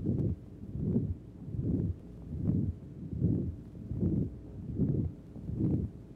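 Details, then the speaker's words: Woman with valve disease before surgery, 1955 recording: regular heartbeat about 76/min from another chest area, each beat with a prolonged rumbling murmur from deformity of a second heart valve. "from another area of the chest indicates a different type of murmur because the patient has deformity of a second valve of the heart, which will be corrected at the time of the same operation."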